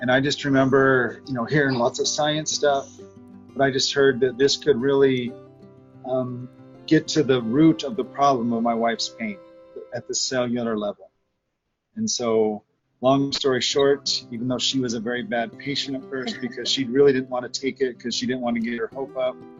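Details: Adult man speaking; normal speech.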